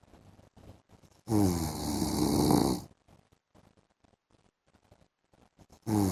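Long, harsh rattling snore lasting over a second, followed by quiet breathing and then the start of another snore.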